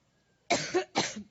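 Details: A woman's coughing fit during a Labor Day campaign speech in Cleveland, attributed by her to allergy: two quick, harsh coughs after a brief quiet moment.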